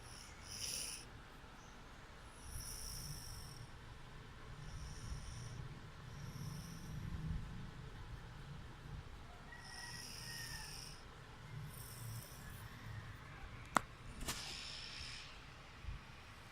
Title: Snoring Ate! June 2, 2019